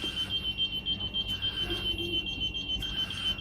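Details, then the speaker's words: SLE2000 neonatal ventilator in a NICU training demonstration: rapid regular high-pitched beeping, about 214 a minute; ventilator pressure alarm. "تبعدهم بمعنى ايه؟ ابعدهم يعني خلي ده على الماكسيمم وده على المينيمم عشان اقدر اظبط براحتي من غير الارم."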